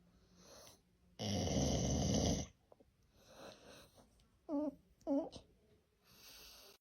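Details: Loud snoring: one long, loud, harsh rattling inhalation, then a pair of short snorts with quieter breathing between.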